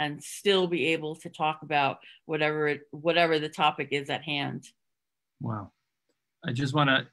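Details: Adult woman with real stuttering who hid it for close to 30 years through avoidance (covert stuttering) before stuttering openly; stuttering.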